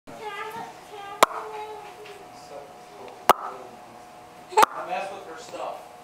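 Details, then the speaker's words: A small child giggling while he hiccups, recorded January 2009: three sharp, sudden hiccups break through soft giggling and babble, about two seconds apart; hiccups. "He's got the hiccups. Has he got the hiccups and he's trying to laugh?"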